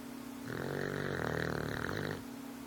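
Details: New pup snoring while asleep: a single long, buzzing, rattling snore over a steady room hum.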